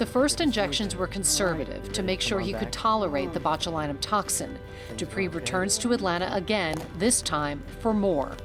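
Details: Adult female narrator; normal speech.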